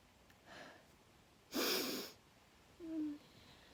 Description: Loud sneezes, covered and uncovered.